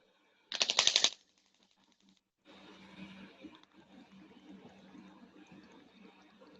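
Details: Radial shockwave therapy with the DC Master Touch on the shoulder, applied at the coracoid process in circular motion, avoiding lung fields; burst of rapid sharp clicking pulses, then fainter rhythmic tapping over room noise.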